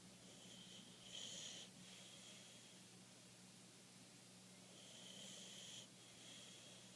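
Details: Rasta, a sleeping Boxer dog, snoring: soft, hissing snore noises on two slow breaths over a steady room hum.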